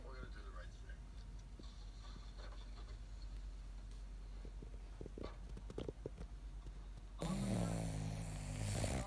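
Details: Soft low rumbling breaths from a dog sleeping with its eyes open, then a louder snoring breath with a rattling vibration at the end, with some room noise; dog snoring.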